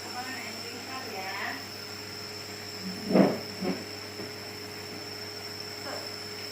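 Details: A young boy with a cough gets nebulizer treatment at home to thin phlegm and ease coughing, breathing normally and not crying: the steady hiss and hum of the running nebulizer with a few soft breaths or voice sounds.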